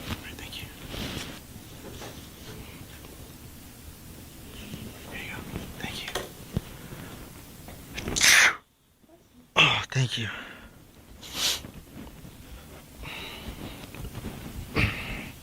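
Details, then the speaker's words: Two or three sharp explosive sneeze-like bursts over quiet chatter and room noise, from someone in public who says something is in their nose; possibly faked as part of a prank. "Achoo. Oh. Achoo. Oh man. Huh? Are you sure you're good? Yeah, I'm good, yeah. I think there's something like in my nose."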